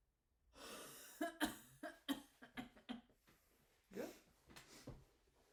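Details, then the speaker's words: Adult female patient with shortness of breath and chest junkiness does physiotherapy active cycle breathing: deep breath, huff, then a run of short, sharp voluntary coughs moving secretions toward larger airways. "So what we're doing right there, we're kind of just moving the secretions if they're clogged in there to larger airways, kind of just get them out of the lungs and get them moving."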